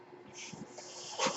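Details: Mechanical ventilator noise at the start of a podcast recording: the speaker's own ventilator gives soft hissing puffs of airflow over a faint steady hum.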